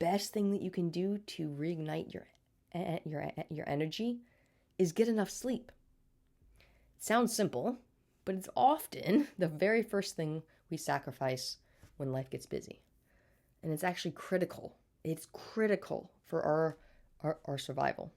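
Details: Adult woman with a stutter since birth, speech therapy throughout childhood, still stuttering day to day and may get stuck on words: stuttering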